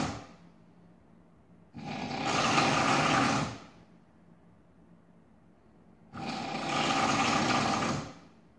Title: Drill, Jackhammer, Chainsaw, or just the sound of snoring?